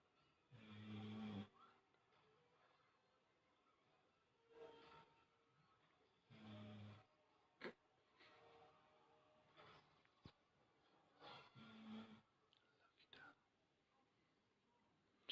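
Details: Female animal, likely a dog, snoring while asleep after a full meal and a run at the park: intermittent rumbling snorts and snores every few seconds in a quiet room.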